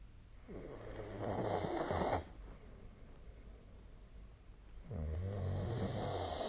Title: 🐽 本日のイビキ / Snoring Sleep Sound 2025/02/14